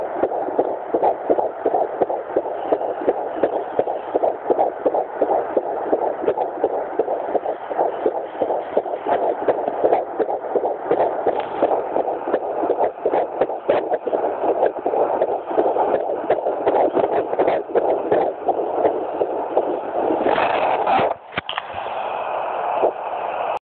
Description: My Babies heartbeat at 12+3 wks of pregnancy